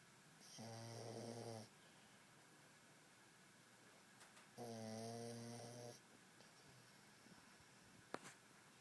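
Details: Resting dog: two slow, buzzing, tonal snores about four seconds apart in a quiet room; snoring.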